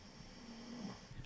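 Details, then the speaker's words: Low, rumbling, steady vibrating snore rising and falling in a quiet room: a female pet dog snoring while asleep during her owner's live stream; ordinary snoring. "my dog's really snoring she's going to town you hear that i guess that's what she thinks about my live shows guys"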